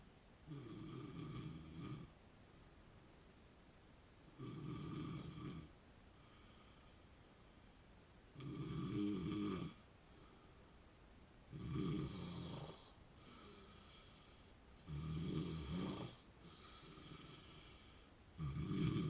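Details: Snoring in a person with sleep apnea: rhythmic low snores about every three to four seconds, roughly 18 a minute, with quiet gaps between.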